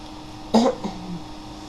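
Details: Person with cystic fibrosis and CF-related diabetes: one short, muffled cough with a throat-clearing quality over steady room hum.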